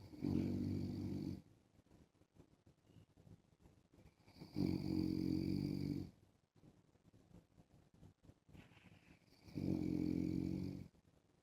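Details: An adult man snoring while wearing a mask: three loud rattling snores about every four and a half seconds, roughly 13 breaths a minute, with quiet breathing between.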